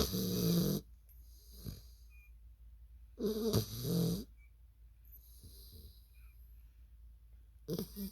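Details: Bull mastiff snoring: deep rumbling snores in bursts, about 18 a minute, with quiet pauses between.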